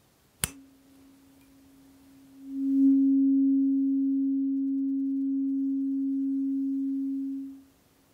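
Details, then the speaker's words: Tuning fork tone in an ASMR simulated hearing frequency test: a tap, then a steady pure hum ringing about five seconds and fading; the eighth and smallest, highest-frequency of eight forks, played to each ear in turn. "I'll strike the tuning fork play it to one ear and then again plate to the other and I'm looking for you to tell me how it sounds"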